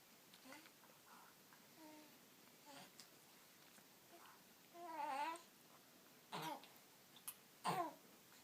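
Soft whines and small vocal sounds, then two or three short, sharp, snorting bursts from a puppy in a quiet room: sneezing.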